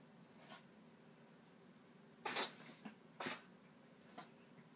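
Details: Sick cat sneezing: several small, sharp, hissy sneezes, two of them louder, in a quiet room.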